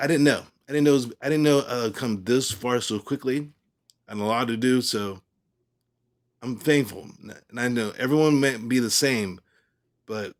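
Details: Adult male stroke survivor with aphasia, about three years and five months after his stroke; aphasia.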